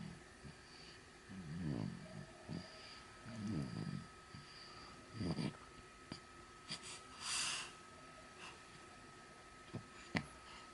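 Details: Three-month-old baby boy, born November 2018, snoring during sleep: a few soft, rumbling snores in a row, with faint room hum and small clicks.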